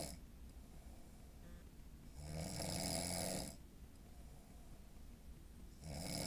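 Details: Man with a deviated septum, apparently not fixed by prior surgery, snoring in his sleep: a long, rumbling inspiratory snore, then another starting, over steady room hum.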